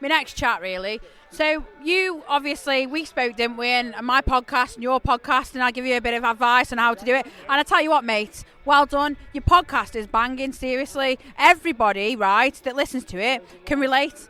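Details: Adult male speaker; normal fluent speech.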